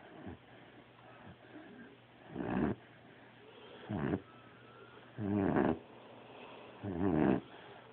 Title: Snoring